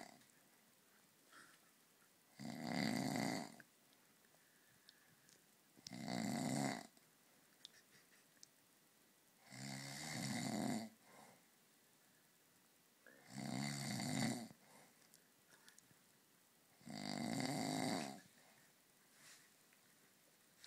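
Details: Adult man (dad) snoring heavily after several beers: loud, harsh rattling snores on each in-breath, five in twenty seconds, about 15 breaths per minute, with quiet pauses between.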